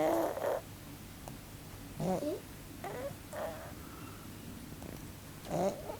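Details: Rough, fluttering snores with each breath, about every 1.5 to 2 seconds, from a pug sleeping squashed flat; loud snoring through a narrowed upper airway.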